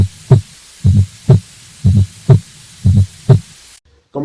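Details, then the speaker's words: Heartbeat near 60 a minute with a soft extra sound just before S1, a three-beat gallop from atrial contraction forcing blood into a stiff, non-compliant left ventricle (e.g., ventricular hypertrophy): S4 gallop. "the s4 heart sound occurs during left ventricular filling when atria actually contracts and pushes and forces the blood into the non-compliant left ventricle and the striking of the blood that creates the sound"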